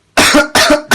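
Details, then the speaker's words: Adult man acting a persistent coughing fit in a Turkish comedy sketch: loud harsh coughs in rapid succession. "Çok kötü öksürüyorsun lan. Abi ya. Ama iyiyim ya."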